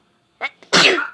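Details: A small female animal, species not stated, gives a brief inhaled buildup and then one sharp, hissing sneeze; sneeze.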